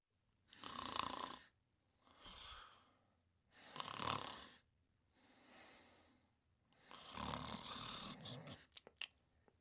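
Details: Loud rasping snores alternating with softer breaths, about five cycles in ten seconds, a few clicks at the end; two sleeping dogs, Jack and Douglas, snoring.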